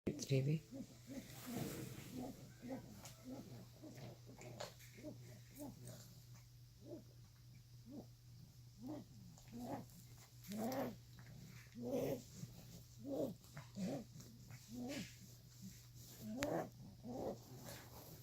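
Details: Female dog breathing noisily: repeated snorting, snuffling noises with each breath over a low room hum. The owner says she is usually noisy after drinking water. Noisy upper-airway breathing.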